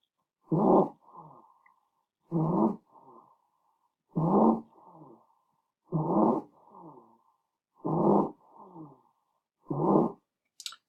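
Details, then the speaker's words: Loud, harsh, high-pitched crowing on each breath in, about 32 breaths a minute, played as a teaching example of croup: inspiratory stridor. "but typically what you're gonna see is this inspiratory stridor and so let's jump on the internet here and take a listen to what that sounds like"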